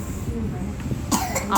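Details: A young child with a cold gives a couple of short, abrupt coughs over low background noise while being given a home-remedy drink for cold and cough.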